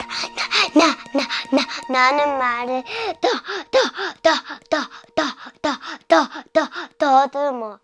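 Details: Stuttering with single-syllable repetitions in a four-year-old girl, sudden onset in September; a pediatrician found no physical problem and recommended speech therapy; an expert links it to perfectionism and fear of making mistakes.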